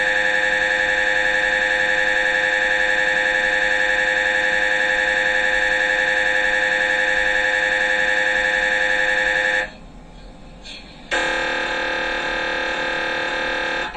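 Loud, rapid, steady buzzing pulses from an MRI scanner, a brief pause, then the buzzing resumes; typical gradient noise during a brain scan.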